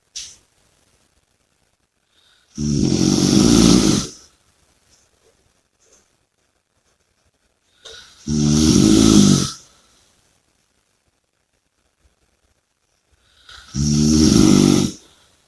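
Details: Sleeper snoring and breathing heavily: three loud, rattling snores on inhaling, about 11 a minute, with quiet pauses between; heavy snoring.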